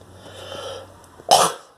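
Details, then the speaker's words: Adult woman gives one short, sharp cough after a brief quiet lead-in, low room hum; she attributes the cough to cannabis, not COVID. "You can hear I have a cough. It's not from Corona, it's from cannabis."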